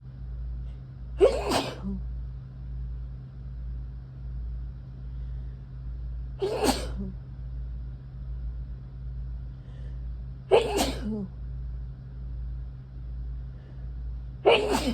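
Four forceful sneezes spaced roughly four seconds apart, over a steady low engine hum. Repeated sneezing.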